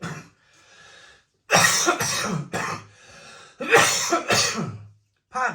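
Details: Adult man having a coughing fit: harsh, repeated coughs in two clusters with breaths between.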